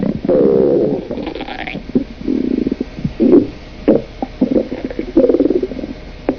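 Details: Stomach growling (borborygmi): bubbling, gurgling rumbles in several bursts over a few seconds with quiet gaps between, from gas and fluid moving through the gut.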